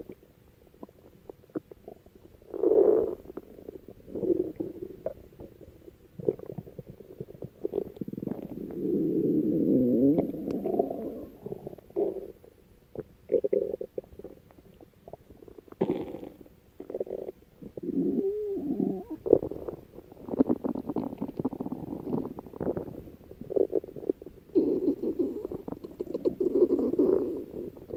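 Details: Stomach growling: irregular low gurgles and rumbles from the belly, ordinary borborygmi.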